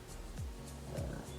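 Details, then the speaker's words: A pet dog gives two low, rumbling snorts about half a second apart, with soft background music. The owner says he snores loudly and often and grunts constantly. Snoring. "I don't know how long he's been snoring for. It's just like white noise to me at this point. He snores so often, so loudly, grunts constantly."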